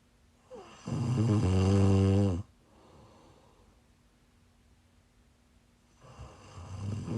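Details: Snoring while sick, recorded during a live stream: a loud, rattling snore on a breath in, a quiet pause, then the next snore beginning during heavy sleep snoring.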